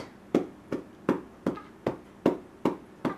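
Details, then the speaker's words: Cupped-hand chest percussion on a girl's chest during home chest physiotherapy: steady hollow resonant claps at about 150 per minute, a nice even beat rather than a flat or dull sound. "And you want to be able to hear a percussion sound. You don't want to hear a flat sound. You don't want to hear a dull sound. So it's going to sound like this."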